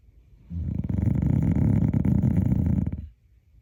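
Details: A single long, loud, rattling low snore on inspiration, about two and a half seconds, from a dog said to snore like a hog; snoring.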